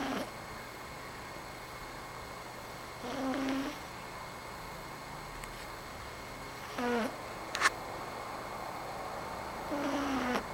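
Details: A close-up recording of a sleeping cat snoring: soft, rough, low-pitched noises on its breaths recur about every three seconds, roughly 18 a minute, over quiet room hum.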